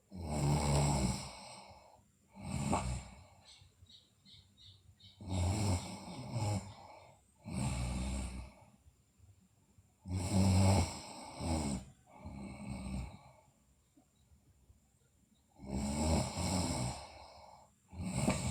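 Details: Sleeping girl snoring: loud, rough snores repeating every few seconds in a quiet room, each breath vibrating noisily; snoring during sleep.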